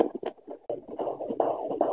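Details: Fetal heartbeat on Doppler at 15-16 weeks of pregnancy: rapid, rhythmic whooshing pulses in the 140s per minute; normal.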